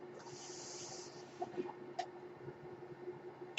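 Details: Podcast host's own mechanical ventilator heard while he speaks: soft airy hiss of delivered airflow over a steady low mechanical hum with faint clicks.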